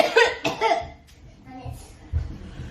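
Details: Feigned cough: a mother fakes coughing up blood as a prank on her children. A few forced cough bursts followed by quiet murmuring.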